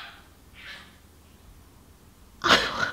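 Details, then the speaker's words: Dog on medication for kennel cough: two faint breathy huffs, then one loud, harsh cough burst. "I feel so bad because every time you okay you okay every time he coughs he looks at me like I'm sorry"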